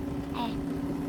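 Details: Portable suction machine (model SX-1E) running at maximum setting, flow rate 18 litres per minute, during a live, unedited demonstration.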